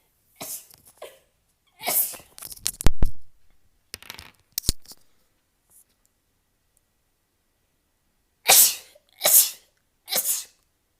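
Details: Compilation of an adult's rapid, sharp sneezes in quick bursts with pauses between. Rapid repeated sneezing.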